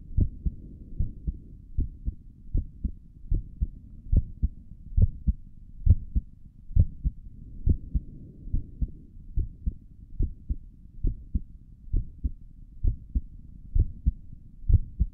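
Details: A person's own resting heartbeat recorded through a stethoscope on the chest for relaxation: regular soft lub-dub at roughly 65 to 70 beats a minute with a faint steady hum behind; normal heart sounds.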